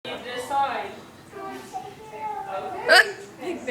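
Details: Woman with recurring hiccups, talking: her speech is broken by a sharp, abrupt vocal catch near the end, a hiccup.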